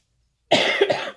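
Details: Adult woman who is sick and stuffed up, told through a doctor app that she has a cold; a short burst of two or three dry coughs in a quiet room; dry cough with a cold.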